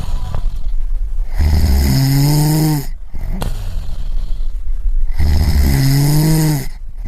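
Loud low rattling snores on each in-breath, two cycles about 4 seconds apart, roughly 15 breaths a minute, with steady background hiss.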